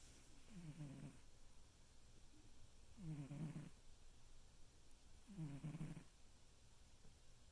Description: Finally caught on video. My cat snores so loud!